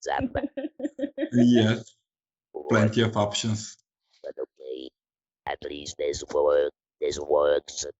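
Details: Woman from the Netherlands who had her larynx removed (laryngectomy), speaking with an Inspiration electrolarynx; electrolarynx speech after laryngectomy.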